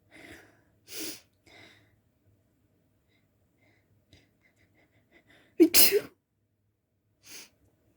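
Several short sneezes, one loud explosive sneeze with a sharp intake before it, in a quiet room.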